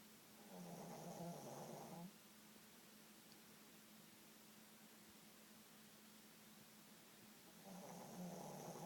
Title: Snoring Poochie Dog